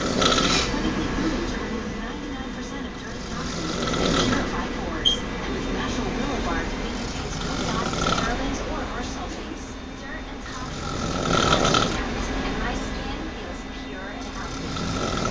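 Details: Loud, slow, rasping snores roughly every four seconds over a steady background hum; loud snoring while asleep.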